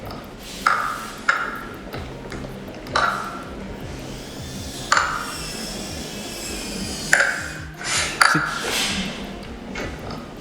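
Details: Awake young boy with recently erupted teeth grinding and clicking his teeth in daytime bruxism: sharp, ringing tooth clicks every second or two, with music behind.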